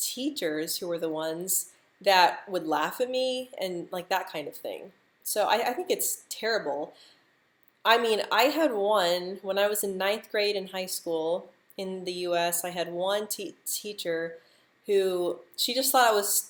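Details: Adult woman who stutters, speaking during a live stream; stuttering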